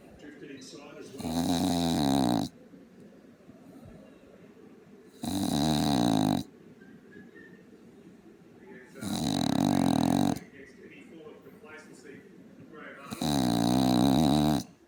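Loud, long, vibrating inhaled snores about every four seconds, typical of a flat-faced breed, with television commentary in the background.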